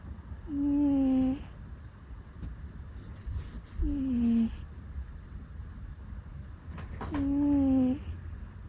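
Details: Sleeping cat (rescue cat) snoring, known for puffing sounds in sleep, on a bed: three soft tonal whistling snores with breaths between, about 18 breaths a minute; ordinary snoring.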